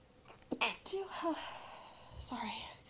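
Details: Shy, partly stifled or held-back sneezes with breathy catches, apologies and "excuse me" in a quiet room; sneezing.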